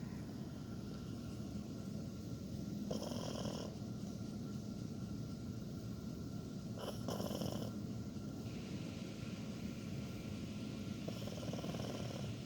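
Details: Dog snoring during a daytime nap while camping: soft, low rumbling breath noise, mostly masked by steady outdoor background noise.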